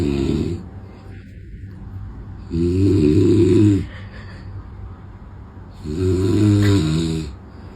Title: Snoring cure. Лекарство от храпа.